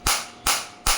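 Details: Focused (not radial) shockwave therapy device for plantar fasciitis and heel pain, with treatment depth up to 7 cm, demonstrated on an uninjured person: sharp snapping pulses about every 0.4 seconds, roughly 2.5 per second, firing continuously (197 shots delivered).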